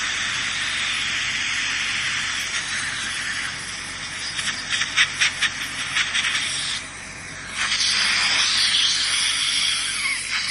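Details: Air-polishing (airflow) device cleaning teeth during dental hygiene scaling session: steady loud hissing spray with brief bursts and pauses.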